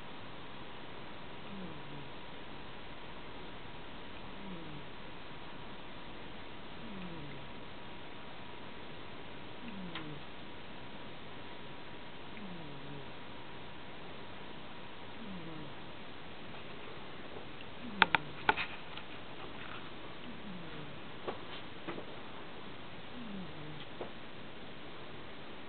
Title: snoring softly